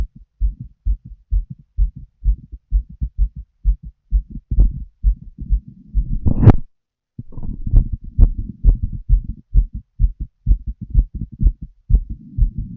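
Rapid regular heartbeats through a stethoscope, around 130 a minute, with brief rustling and handling noise midway.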